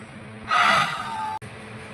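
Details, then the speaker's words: Demonstration of the huff, a single open-mouthed forced expiration used as an airway-clearing coughing technique when cough is weak from pain, surgical incision or uncoordinated muscle effort. "then there are different coughing techniques to help you. Double cough Controlled cough. Series of three. Cough. Huffing."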